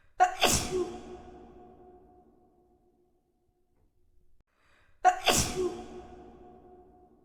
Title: SNEEZING COMPILATION😷